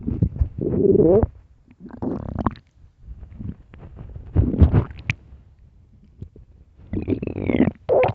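Loud gurgling, squeaking stomach growls in irregular bursts; ordinary hunger rumbling of gas and fluid moving through the gut.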